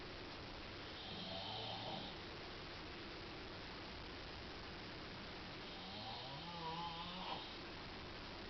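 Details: Adult man snoring in a hotel room around 3 a.m.: two quiet, low, rattling snores against a steady noisy background; ordinary snoring during sleep.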